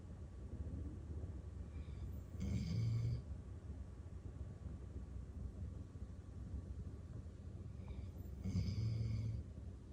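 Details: Female dog asleep in an armchair with her head on a pillow, worn out after daycare: two deep, rumbling snores about six seconds apart over a steady low hum; snoring.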